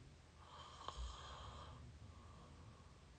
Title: up close mouth snoring pt 5